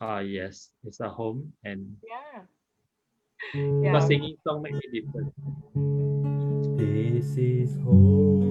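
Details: 39-year-old multilingual man with aphasia and word-finding difficulty after a stroke in March 2019; aphasia.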